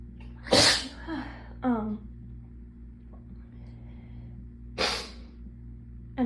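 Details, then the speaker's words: Sneezing fit brought on by feeling cold (temperature, not illness) after the hot water ran out; two forceful, intense sneezes with a short voiced sound between, over room hum; described as hard enough to hurt the throat. "okay hold on i might just have to get the sneezes out first and then talk um i don't know if this happens to anybody else but um the hot water ran out because i used it all and um sometimes when i get cold like not like a cold just like just like temperature cold um my nose gets really moody"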